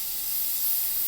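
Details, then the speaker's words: Aquacare (Velapex) dental air abrasion unit abrading hard enamel quickly and evenly to expose decay, with no anesthetic, rubber dam and a celluloid strip on the adjacent tooth: a continuous high hissing spray. "Notice that the enamel, which is relatively hard, does in fact abrade rather quickly and rather evenly."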